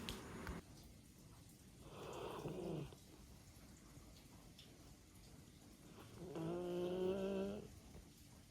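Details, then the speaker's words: Snoring from a dog sleeping deeply with its tongue out during a rainy day: two drawn-out, buzzy, somewhat tonal snoring breaths with steady rain in the background. "බලන්නකෝ හොඳටම නින්ද ගිහිල්ලා. ගොරව ගොරව නිදි. ඕගොල්ලන්ට ඇහෙනවද බලන්න මෙයා ගොරවන සද්දේ."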